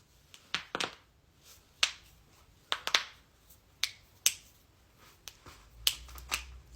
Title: Person is cracking every joint in her body!